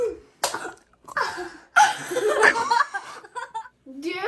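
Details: Vocal tic, a sudden non-speech vocal sound, in a person with Tourette's who reports having tics.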